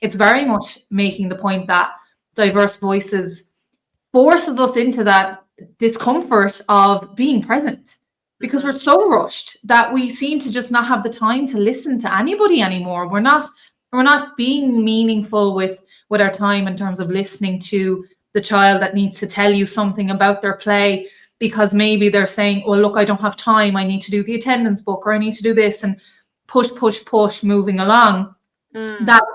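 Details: Adult woman speaking; Normal speech.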